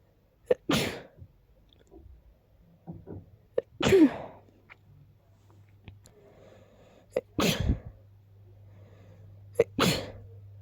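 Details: A person who is sick with a very stuffy nose: four sharp sneezes, each led by a quick catching breath, with quiet sniffles between; repeated congested sneezing.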